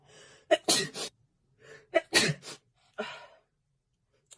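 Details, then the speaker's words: A young Chinese woman with allergic rhinitis gives three wet sneezes in quick succession, each with a sharp intake of breath before the burst, after her nose starts itching. "我鼻子开始痒痒了。"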